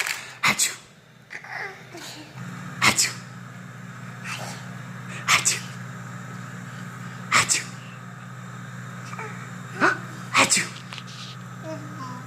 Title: September 2015 sneezing